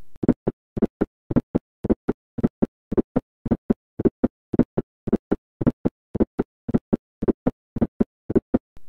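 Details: Heart sound teaching recording: fourth sound just before S1 producing an atrial gallop, loud in hypertension and coronary artery disease; atrial (S4) gallop.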